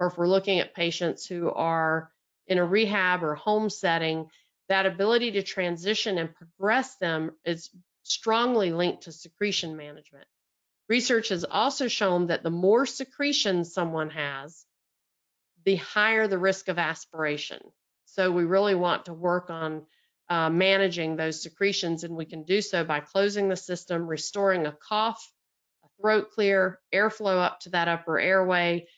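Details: Adult woman speaking; normal speech.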